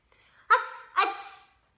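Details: Two quick sneeze bursts about half a second apart in a quiet room, from a Chinese-language teaching skit; sneezing.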